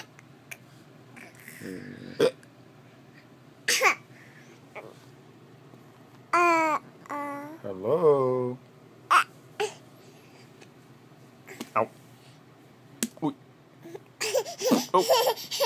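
Brief abrupt catches scattered among baby babbling and squeals; hiccups.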